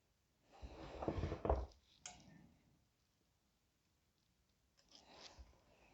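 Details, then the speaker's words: An adult's stomach growling (borborygmi) with low rumbling, gurgling bursts, ordinary hunger growling as dinner time nears. "That is my stomach growling, if you can hear that. It is getting dangerously close to dinner time, and I got a nice roast chicken dinner waiting for me."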